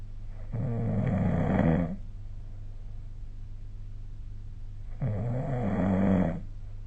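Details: Snoring during sleep recorded with the SnoreLab app: two loud, low, rattling snores about four seconds apart with quiet breathing between.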